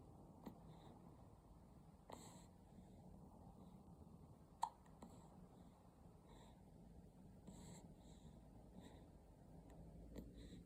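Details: Newborn aged 25 days: soft, brief hiccup catches repeating every couple of seconds in a quiet room; hiccups.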